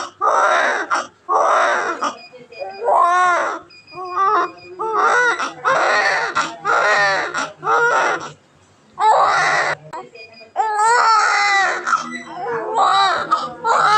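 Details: Repeated high-pitched, wavering cry bursts with brief breaths between them from a crying newborn baby; a sound-effect recording, newborn cry.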